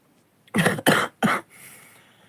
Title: chest cough